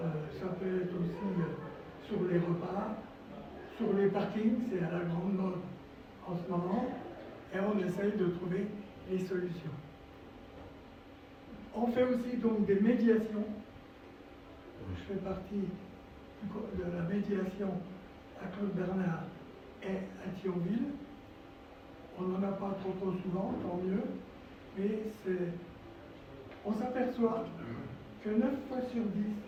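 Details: Adult man, a former nurse, with dysphonia from vocal cord lesions and respiratory problems following coronary bypass surgery, complications including pleural problems, and 4 months in intensive care.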